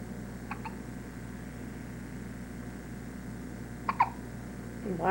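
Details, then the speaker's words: Baby with persistent hiccups: soft, short hiccup sounds in quick pairs over a steady low hum; hiccups. "Did I get rid of them hiccups? No. Still got the hiccups."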